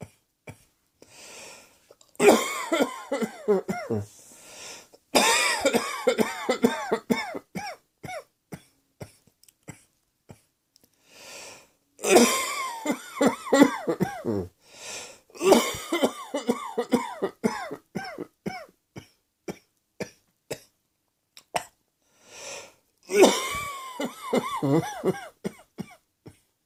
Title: Cross Dressing Coughing 38